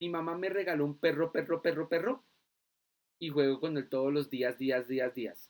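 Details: Adult lecturer imitating a child's speech; palilalia.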